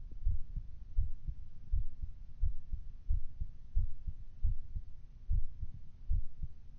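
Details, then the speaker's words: Heartbeat recorded through a phone held to the body: soft, low, regular thumps at roughly 85–95 beats per minute, a normal heartbeat. "So I've seen a TikTok. Apparently you can hear your heartbeat through your phone."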